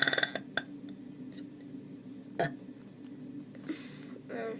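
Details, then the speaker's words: Deliberate burp attempted without drinking, no liquids for the past hour except mashed potatoes: a short, low gulping belch between faint room noises; voluntary burping. "so somebody means the hills man 25 told me to do no drink burping so I haven't had any liquid in like the past hour or so let me try this and see how it goes"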